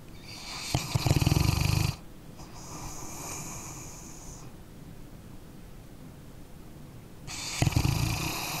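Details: Sleeping dog snoring: rough, fluttering snores on in-breaths with quieter whistling out-breaths between; ordinary snoring.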